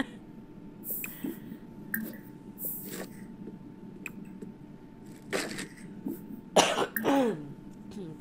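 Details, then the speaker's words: Adult woman with a head cold, throat stuffy: several short throat clears and a few brief coughs. "this cold just has me it's a head cold so like from the throat up everything from the throat down i'm fine"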